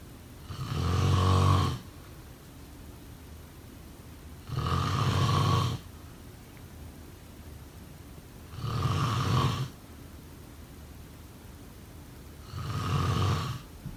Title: Snoring sound…